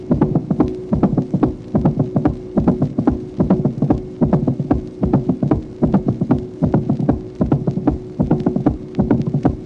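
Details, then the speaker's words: 1966 teaching auscultation record, tracing 5: artificial ball-in-cage (Starr) mitral valve, with several diastolic clicks after the second heart sound as the ball strikes the cage walls. "Tracé numéro 5. Autre exemple de valve mitrale artificielle. Ici, toutefois, en diastole, après le deuxième bruit, on entend plusieurs claquements correspondant au heurt de la balle sur les parois de la cage."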